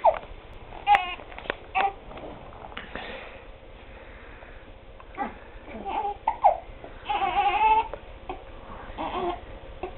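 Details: One-month-old infant with hiccups, fussing while being dressed: short whimpering cries and fussy vocal sounds with quiet room noise between; mild infant crying.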